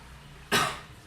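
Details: Controlled effective cough by an adult male patient, coached by a nursing student to clear airway secretions: deep breaths in through the nose, held, out through the mouth, then one abrupt, forceful cough burst with a short trailing exhale.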